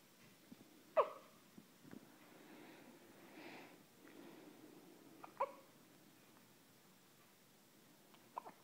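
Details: Five-day-old newborn boy with hiccups: three brief sharp hiccups about four seconds apart with soft breathing between, in a quiet room.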